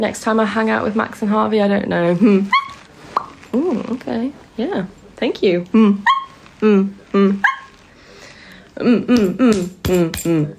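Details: 24-year-old woman with Tourette syndrome diagnosed at 20, on a really bad tic night with neck straining and tics constantly interrupting her sentences; repeated "Mm" vocal tics; vocal tics (Tourette syndrome).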